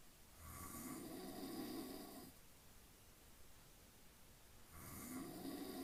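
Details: Adult man (dad) snoring during sleep: two long, rasping snores on inhalation separated by a quiet pause.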